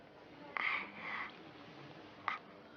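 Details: Acted portrayal of a young boy with dysphonia in a TV drama, answering in a whispered voice: psychogenic dysphonia (whispered voice)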